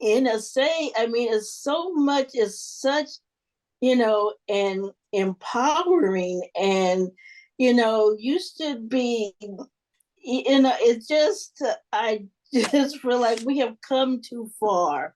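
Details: Adult person who stutters, with word avoidance and covert stuttering and audible part-word repetitions: stuttering.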